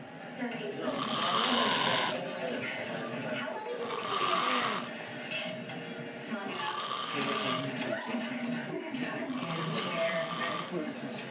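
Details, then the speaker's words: Loud, rough snoring about 22 times a minute with irregular breaths, from a man asleep after a long day at the West Indian Day Parade, with talk and television in the background; snoring. "Over 2 minutes of video. This nigga snoring something."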